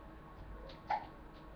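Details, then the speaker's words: Someone in the room has hiccups, a sudden involuntary hiccup sound heard during spoken talk. "so this happened to me only once and I've been in hundreds of denominations oh someone has the hiccups did you hear that"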